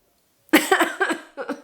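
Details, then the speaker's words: Cough in a person still on antibiotics and probiotics after a recent illness, now also coughing up blood, attributed to a throat irritated from heavy coughing. "I'm still on antibiotics um naturally my stomach is completely messed up from the antibiotics so I'm also on probiotics um and I still have this happening and I have a cough"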